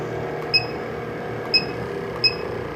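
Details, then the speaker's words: Caire Eclipse 5 (CA-6900) portable oxygen concentrator switched from 2.0 LPM continuous to pulse flow: brief beeps over a steady machine hum. "The mLs is your bolus size, or the size of each puff of air that you receive, and the number, the 2.0, is your pulse setting."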